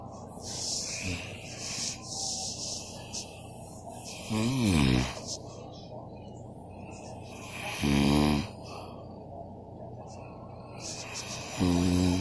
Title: My dad snores